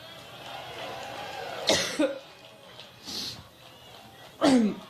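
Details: A woman's coughing fit during a Labor Day speech in Cleveland, Ohio: harsh coughs and a throat clear break into her speech, crowd noise behind; she remarks she gets "allergic".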